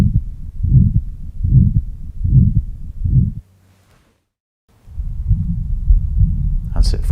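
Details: Simulated cardiac OSCE exam on adult male patient, stethoscope on chest while palpating carotid pulse; regular heartbeat about 75 a minute with low swishing sound between beats, a heart murmur from turbulent blood flow.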